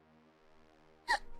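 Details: A steady low music bed, then one abrupt, high-pitched voiced catch near the end, a single hiccup from a VTuber streamer during a live stream.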